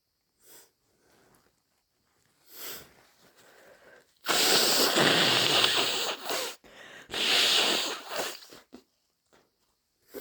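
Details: Person with a head cold: sniffs, then loud, wet, explosive sneezes and a forceful nose blow; sneezing.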